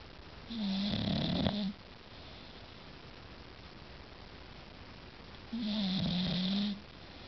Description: english bulldog snoring